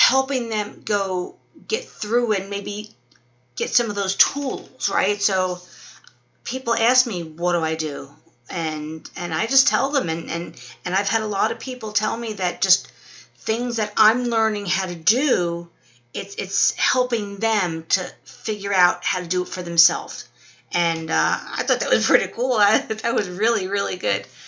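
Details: Adult woman 12 weeks after a stroke with Wernicke's aphasia and apraxia; her word-finding difficulties have improved but are ongoing.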